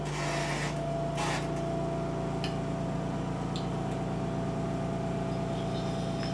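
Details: Respiratory therapy student's role-played small-volume nebulizer treatment: steady buzzing mechanical hum with a faint high tone and brief hissing bursts early on; nebulizer compressor running.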